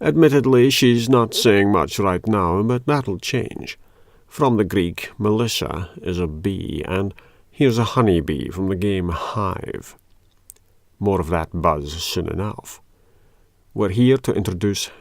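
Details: Adult male speaker; normal speech.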